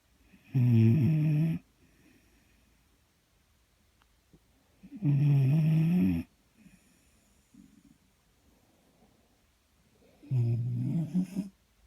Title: Skip snoring